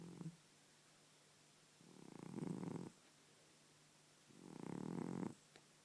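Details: Elderly cat that has snored lifelong, worsening with age, sleeping: two loud, rattling, human-like snores about every two and a half seconds with quiet pauses between; snoring.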